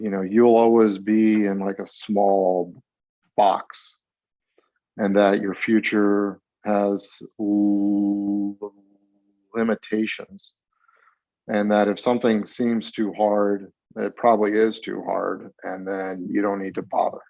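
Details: Stuttering in a 42-year-old man, with onset around age eight and several years of speech therapy during school.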